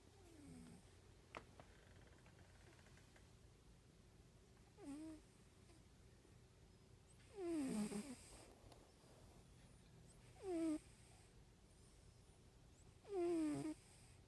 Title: Orange tabby cat snoring soundly asleep on pillow